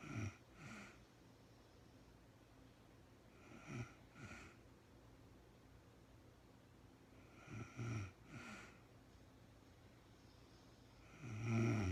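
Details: Real-time recording of a woman snoring during sleep, no talking, very tired and falling asleep: three slow, low rattling snores on inhaled breaths, roughly 15 a minute, with quiet pauses; snoring.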